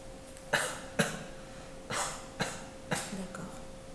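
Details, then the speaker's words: Patient gives five short, sharp voluntary coughs on request while the umbilicus is palpated during an abdominal exam, checking for umbilical hernia. "Donc, j'essaie de palper déjà. Après, je demande au patient de tousser."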